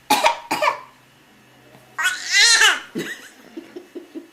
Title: Contagious Coughing.wmv